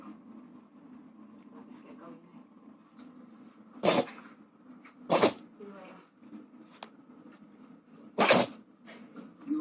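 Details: Dog sneezing: three sharp, explosive sneezes over about ten seconds, with soft breathing and faint room noise in between.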